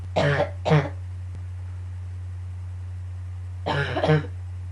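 Two paired bursts of harsh coughing, four coughs in all, over a steady low hum of room noise.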